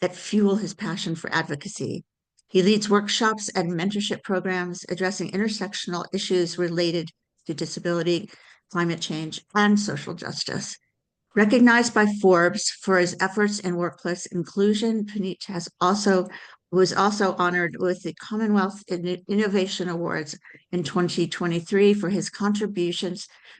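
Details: Adult speaker, narration; ordinary speech.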